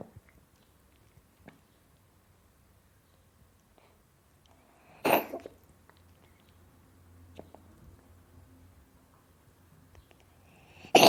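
A cat gives two short, sharp coughing bursts separated by quiet breathing in a still room.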